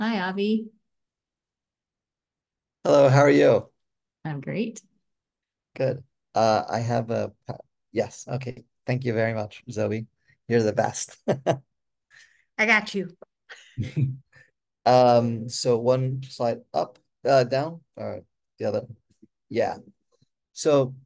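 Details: Person with aphasia, a member of an aphasia institute who helps train conversation partners; aphasia.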